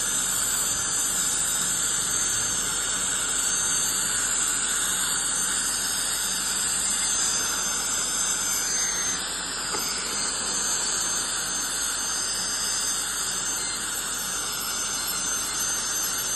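Steady high-pitched hiss and whine of dental cleaning instruments, consistent with ultrasonic scaling and air-polishing during a routine hygiene cleaning.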